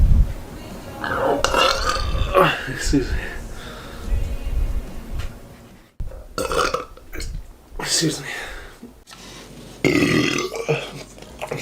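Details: Several loud, deep, drawn-out belches from a man (Keith), with talk and music in the background; burping.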